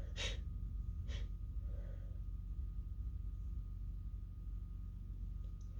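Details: Stifled sneezing fit, almost fully held back except for an explosive final sneeze, later followed by a nose blow: two sharp sneezing bursts, each after a quick intake of breath, over a steady low room hum.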